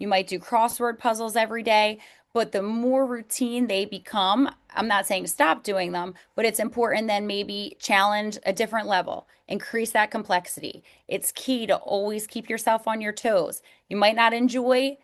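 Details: Adult woman speaking; normal speech.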